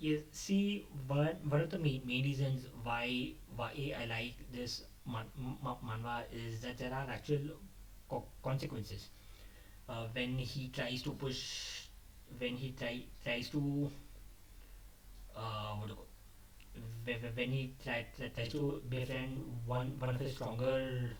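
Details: Adult male who describes himself as a stammerer, speaking off the cuff after abandoning a script, which he says increased his stammering; stuttering.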